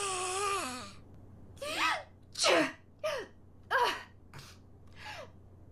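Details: Several short, sharp sneeze-like bursts in a row, each with a voiced gasp before the release, from an anime character voiced in multiple language dubs: sneezing.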